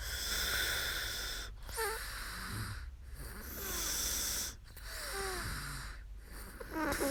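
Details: Adult woman asleep during a live sleep stream: noisy rhythmic breathing with rough inward snores about every one and a half seconds over a steady background hum; snoring.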